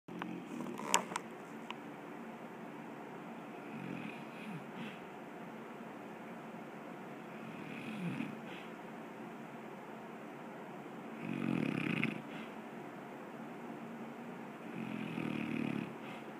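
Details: Drew easily falls asleep, then begins to snore: quiet room with soft, spaced breathing becoming low snoring breaths about every four seconds; light snoring.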